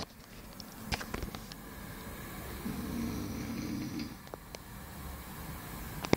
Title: snoring boy 2